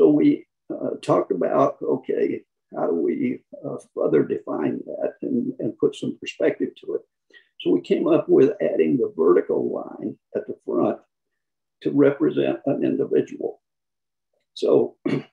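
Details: Adult man who counts himself among people with spasmodic dysphonia; spasmodic dysphonia.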